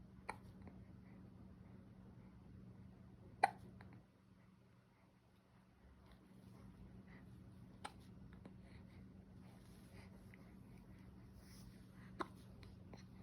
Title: New born baby with hiccups